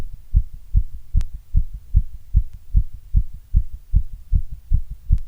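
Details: Strong, steady paired lub-dub heartbeat at about 75 beats a minute, regular rhythm.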